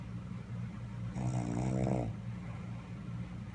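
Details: Man snoring: a single low, vibrating snore on a breath in, over a steady background hum.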